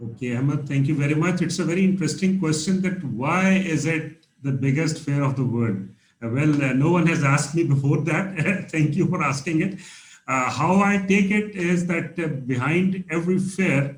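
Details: Adult man speaking; normal fluent speech.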